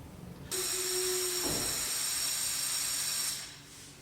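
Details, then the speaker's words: Wall-mounted suction unit switched on with dial at maximum and finger occluding tubing/gauge end, needle should reach at least 500 mmHg; sudden loud hiss with high whistle, then fading; suction unit running at maximum. "rate so turn the suction tap on the side to the on position so the dial on the top to maximum and then place your finger over either the end of the tubing or if there's no tubing attached you can attach your finger to the end of the gauge itself"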